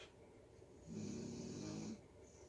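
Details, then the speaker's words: A sleeping female dog gives one rattling, fluttering snore lasting about a second against quiet room noise, heard in the background: snoring. "You can hear my dog snoring in the background."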